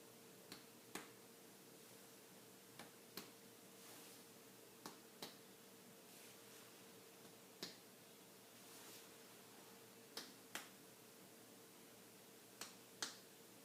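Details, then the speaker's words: Indirect finger-on-finger percussion over the posterior chest wall, tapping two fingers laid on the back from side to side: pairs of sharp taps at intervals; resonant percussion with dullness over the lower bases, judged overall normal. "basically I'm just going to take two fingers place them against you and tap them with two other fingers from either side"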